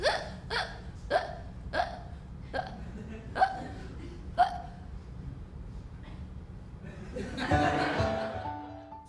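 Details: Seven sharp, regular hiccups about every 0.6–1 second, then laughter over background music; performed hiccups in a staged trailer, "A Day in the Life of Miss Hiccup."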